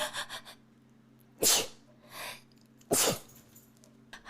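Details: Person who says they are allergic: two sharp, forceful sneezes 1.5 seconds apart, softer breath between, low background hum.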